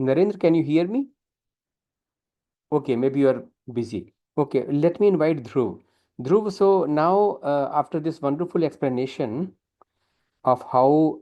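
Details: Adult man; normal speech.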